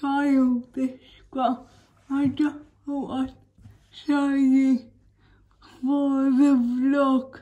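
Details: Woman with cerebral palsy speaking in a daily vlog; dysarthric speech in cerebral palsy.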